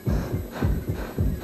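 Quick, regular low thumps in lub-dub pairs over a faint hum: a fast heartbeat, as the heart speeds up during exercise.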